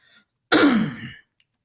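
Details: Teacher during a recorded math lesson: a single harsh throat-clearing cough.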